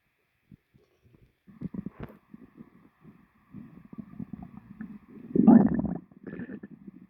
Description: my stomach sounded very weird after my lunch sobi recorded it